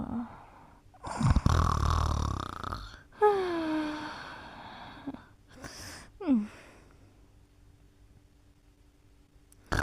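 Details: Snoring during sleep: rough, rattling snores on the in-breath, followed by short whistling and squeaky nasal sounds on the out-breath.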